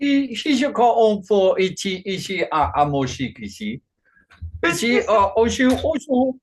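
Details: Man with Functional Neurological Disorder and foreign accent syndrome since 2019, alongside non-epileptic seizures, accent changing day to day, no control over output; today a Chinese-sounding accent during a bout of gibberish; functional foreign accent syndrome with gibberish speech.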